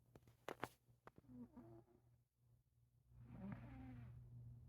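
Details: Black cat sleeping and dreaming: two soft, slightly whistling snore breaths over a steady low room hum; snoring.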